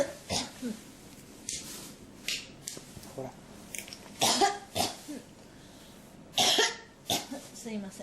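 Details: Several short, dry coughs and throat clearing in a quiet room; repeated cough that won't stop, persistent cough.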